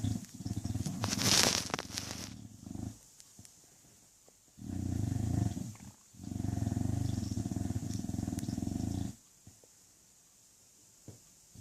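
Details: English bulldog snoring: long, coarse, rattling snores in slow cycles with quiet gaps between; heavy snoring in a flat-faced dog.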